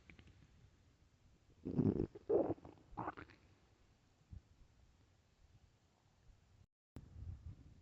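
Three loud, gurgling rumbles in quick succession, then a fainter gurgle and low rumbling against quiet background: stomach growling (borborygmi) from hunger.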